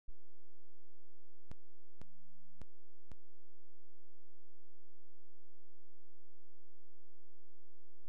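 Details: Steady electronic tone broken by brief clicks and a short lower tone: phacoemulsification machine during cataract surgery performed without viscoelastic, irrigating chopper or special instruments.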